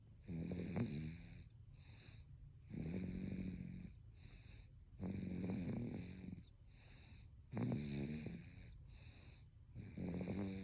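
Rhythmic vibrating snores on each breath, about 12 breaths a minute, with softer whistly exhalations between; snoring.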